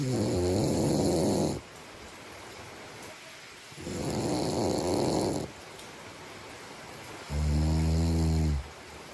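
Loud, rattling snores on each breath, three in about nine seconds, with quiet pauses between; ordinary snoring during sleep.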